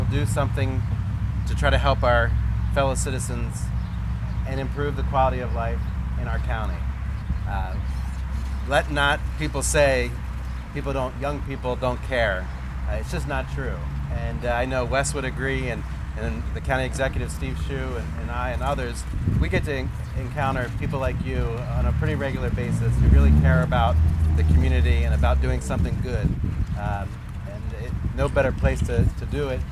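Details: Adult male speaker; ordinary speech.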